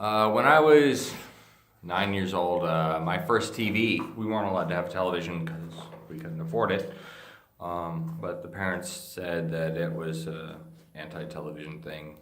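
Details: Adult man with Friedreich's ataxia, a degenerative neurologic disease that he says slurs his speech and impairs swallowing. Finding: ataxic dysarthria.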